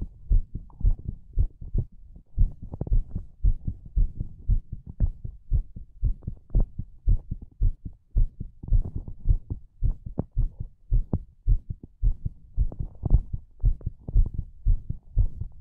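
Steady low thumping heartbeat at roughly 110 beats a minute.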